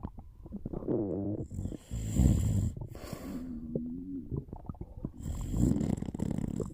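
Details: Snoring and stomach sounds during a short nap: low, rattling, buzzing breaths with gurgling between them against a faint background hiss; snoring.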